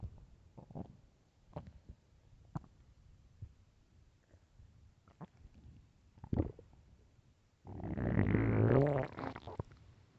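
Scattered low gurgles and clicks, then a loud prolonged rumbling growl near the end: hunger borborygmi, ordinary bowel sounds from an empty stomach.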